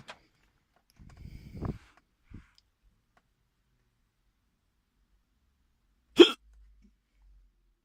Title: Strong Hiccups while eating in my car. Starker Schluckauf beim Essen Part 1